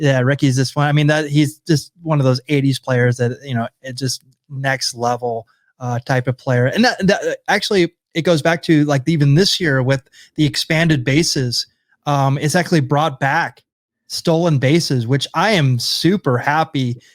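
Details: Adult male speaker; normal conversational speech.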